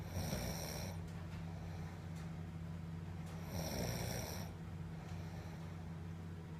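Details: Two loud rattling breaths about three seconds apart over a steady low hum, recorded in Boracay; snoring at roughly 18–20 breaths a minute.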